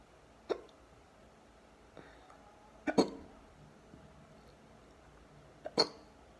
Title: Deep hiccups